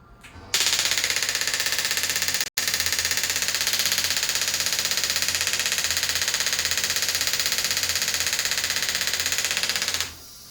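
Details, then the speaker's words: Radial shockwave therapy device for erectile dysfunction, a gun-like device giving dispersed, superficial treatment: loud, rapid, high-frequency jackhammer-like clicking at about four pulses a second, with one short pause. "Alright, so the sound sounds like a jackhammer, and it's high frequency, it's very, very loud, and it's actually, this will actually hurt more than the focus."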